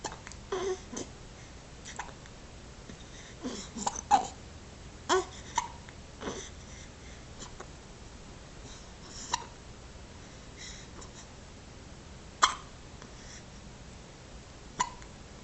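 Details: Brief, abrupt catches of breath recurring every few seconds amid soft babbling and breathing; hiccups.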